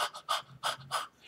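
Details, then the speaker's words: EMS instructor simulates quick, short panting breaths in rapid succession, too fast to fill the lungs, illustrating inadequate breathing above 30–40 breaths per minute: rapid shallow breathing (tachypnea). "the faster you're breathing the less likely it is that you're taking a full lung full of air"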